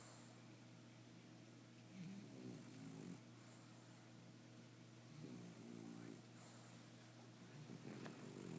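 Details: Sleeper the night before nose surgery and neutering: soft, rattling snores recurring every few seconds over constant low room hum; quiet snoring.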